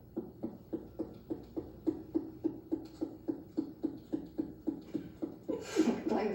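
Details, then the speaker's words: Rapid, even finger taps during general percussion of the abdomen in a complete physical exam give hollow, drum-like notes: normal tympany over air-filled bowel. "then i would go ahead and do percussion of the abdomen general percussion for timpani"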